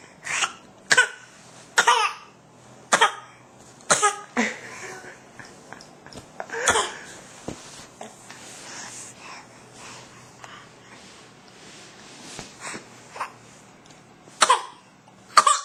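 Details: Infant boy deliberately coughing, practising his newfound ability to cough: a run of short, deliberate coughs and throat-clearing sounds.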